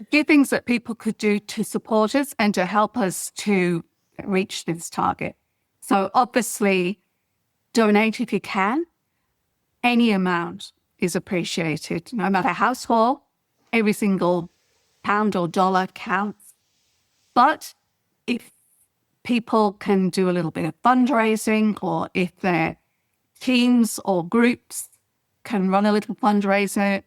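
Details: Adult woman speaking; normal speech.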